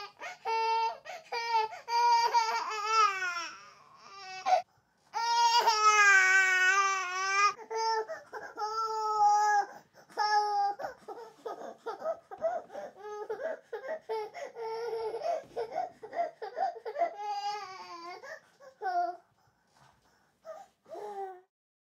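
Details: An 8-month-old baby cries in long, high wails broken by short sobbing catches and whimpers; infant crying.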